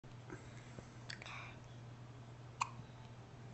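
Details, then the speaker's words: Hiccups in a newborn baby, recorded with a Flip Video camcorder: two brief, sharp catching sounds over steady low room hum and faint talk; parents note he also hiccupped inside the womb. "He's like, these hiccups suck. I didn't like them. I didn't like them when I was inside."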